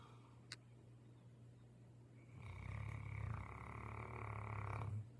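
A long, low, fluttering snore from a sleeping dog, with a faint room hum before it.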